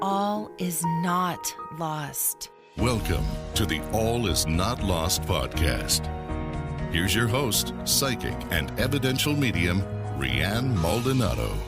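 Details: Adult announcer; ordinary speech.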